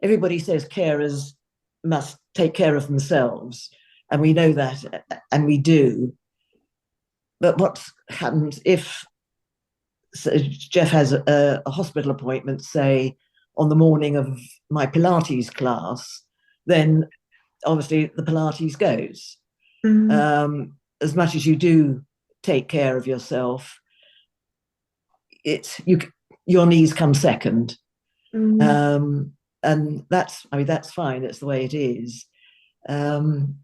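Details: Adult speaker; ordinary speech.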